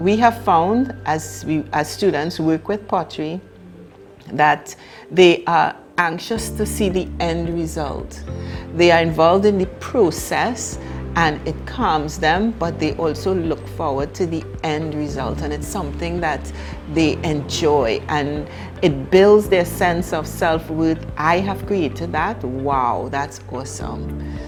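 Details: Adult woman speaking; typical speech.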